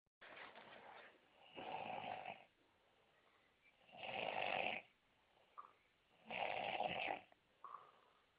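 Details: Noisy snoring: loud, harsh fluttering snores on each breath, about three in eight seconds, with small snorts between.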